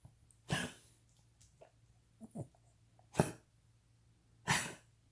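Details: Cavalier King Charles spaniel with diagnosed degenerative valve disease, enlarged heart pressing on the trachea, intermittent lung fluid: coughing fit of three harsh, honking bursts with quieter throat sounds between.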